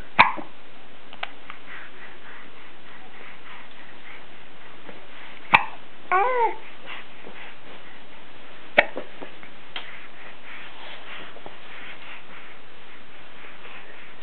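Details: Hiccups recorded as a message to grandparents: three sharp, sudden hiccups several seconds apart, with brief babbling between them, over steady room hiss.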